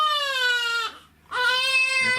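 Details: Infant with suspected colic, worse at night, during chiropractic adjustment; two loud, high-pitched sustained cries with a short breath between, an upset infant's cry.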